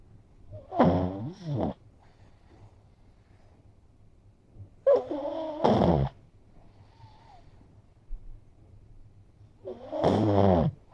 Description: Being so close, you'd think my little pug would be self-conscious and not able to sleep. Nope! Here he is, confidently snoring away.